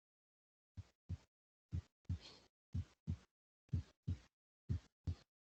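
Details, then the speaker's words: Normal heart sounds for auscultation training: regular paired lub-dub first and second heart sounds (S1 and S2) at about 60 beats a minute. "dessa forma seus ouvidos irão se acostumar com som normal das brigas cardíacas e automaticamente serão capazes de distinguir a primeira EA segunda bulha sem maiores dificuldades"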